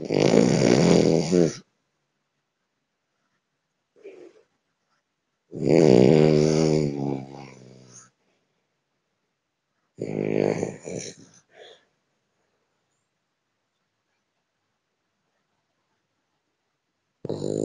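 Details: Eleven-month-old male French Bulldog, an active and playful dog, asleep and snoring: loud, rattling snores in long bursts with quiet pauses between, about four in 17 seconds; short-nosed dog snoring.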